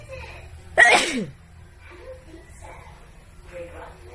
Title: Wet,Wide Nose Sneezes Philippines.